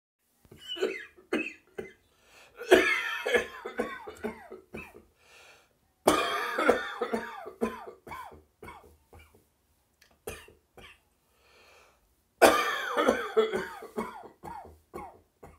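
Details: Adult's morning cough in an echoey bathroom: repeated bouts of harsh, dry coughing that become slightly more phlegmy towards the end.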